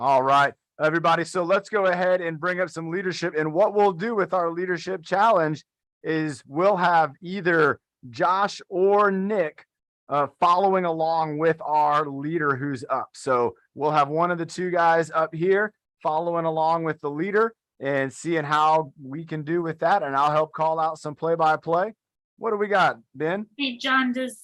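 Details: Adult male speaker; normal speech.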